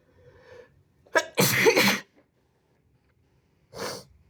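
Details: Adult sneezing: a short inward catch, then a loud explosive sneeze spraying over the phone, followed by a second, smaller sneeze.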